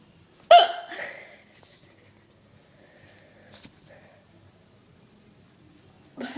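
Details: Person who often gets loud, odd-sounding hiccups, sometimes with slight vomiting ('Peh'): a sudden sharp gulping hiccup followed by a few softer ones in a quiet room.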